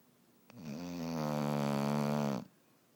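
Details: Sleeping dog snoring while apparently dreaming, owner wonders about a sinus problem: a single long, tonal, buzzing snore-like sound lasting about two seconds.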